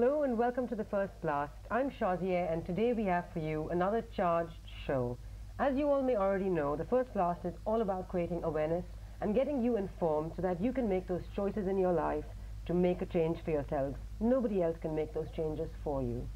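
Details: Adult woman speaking; normal fluent speech.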